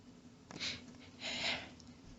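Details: Female in a long, rapid sneezing fit with quadruple sneezes; two quick, hissy sneeze bursts under a second apart in a quiet room; sneezing fit.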